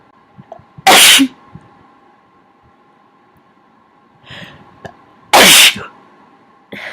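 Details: Two sharp sneezes several seconds apart with small sniffing nose sounds between, over steady background hum, from someone who feels they are getting sick, with nose blowing; smaller sneezes.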